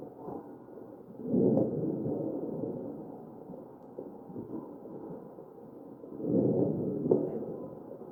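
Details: Real mechanically ventilated patient heard through a stethoscope on the chest: muffled machine-driven breaths with brief popping crackles during the breaths.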